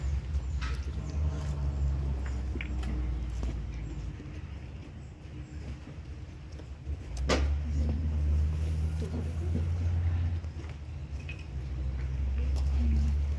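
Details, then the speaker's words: Stethoscope over the trachea during respiratory exam: low, hollow blowing breath sounds rising and falling with each breath, no wheeze or snoring: normal tracheal breath sound. "Listo. ¿Qué percibí? Ese soplo. Ahí no deben haber ruidos ni cirvilancias, ni ronquidos, ni nada."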